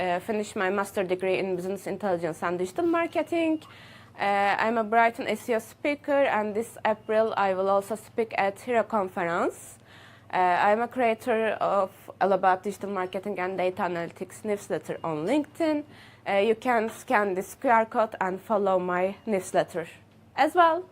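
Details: Adult woman speaking; normal speech.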